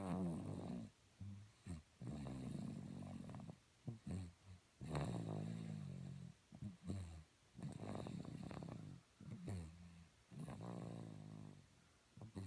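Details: Child snoring: loud, rough snoring with repeated low rattling breaths, several within a few seconds, in a quiet room.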